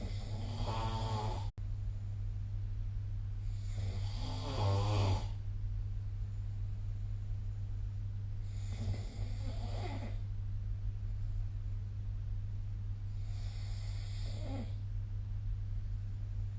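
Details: Snoring recorded with the SnoreLab phone app: four rattling, buzzing snores at regular intervals, about 15 breaths a minute, over a steady low room hum; snoring during sleep.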